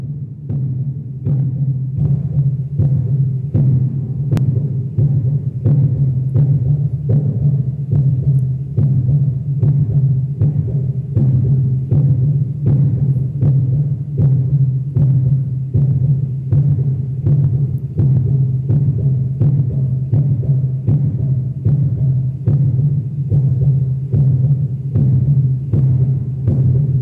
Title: my heart beat. ...les archives du cœur